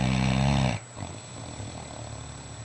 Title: Mastiff Snoring in bed ( Fila Brasileiro)